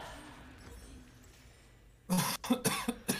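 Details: An old man (grandpa) shouts and coughs in a Twitch stream clip; cough.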